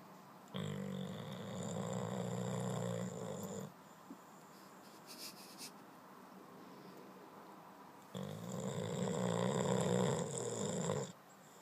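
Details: Boxer dog snoring and dreaming loudly in sleep: two long, loud, rattling inhaled snores separated by quieter breathing; snoring.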